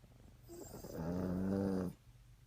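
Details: Sleeping animal, dog or cat, snoring: one low, buzzing, purr-like snore on a breath lasting about a second.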